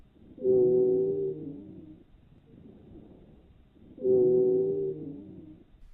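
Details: Two long, musical, whistling tones with softer breath noise between, heard on chest auscultation during a thorax and lung examination demonstration: wheezes.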